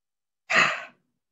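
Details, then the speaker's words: During effective-cough training for COVID patients, a single short, forceful open-mouthed breath out, a huff rather than a cough, used to move stuck mucus; huff (forced expiration technique). "terus di having seperti itu dengan hentakan tetapi bukan di batukan jadi dihembusin yang kedua"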